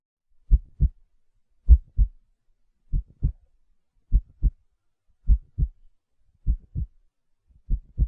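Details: Steady, deep lub-dub heartbeats at about 58 beats a minute in a regular, normal rhythm, played as a heartbeat sound for a colicky baby.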